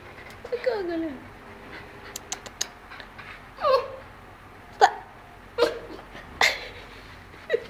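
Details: Tiny hiccups from a small puppy.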